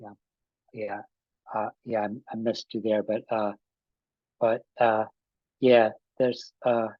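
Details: Adult man with aphasia after an ischemic stroke with a simultaneous heart attack about five and a half years earlier; still has trouble with names and word tenses; aphasia.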